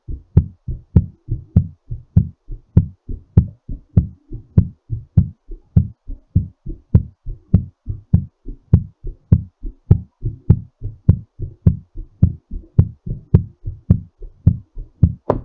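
Strong, regular low thumps at about 100 beats a minute: a quickened heartbeat recovering after exercise.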